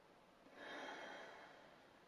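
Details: Demonstration of the Active Cycle of Breathing Technique for chest clearance: a deep breath in with a hold, the thoracic expansion exercise.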